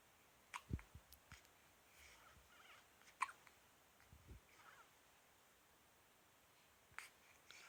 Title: Baby hiccups